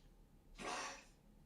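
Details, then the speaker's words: A single quiet, hissing nasal burst from a dog in the background, picked up by a streaming microphone; the dog is fine, a harmless sneeze. "I wonder if you can hear that the dog is sneezing. He's fine, but he is sneezing. Wonder how much the mic can pick up."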